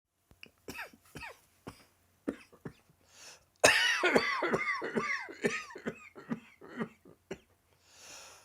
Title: Dry Throat Coughing Fit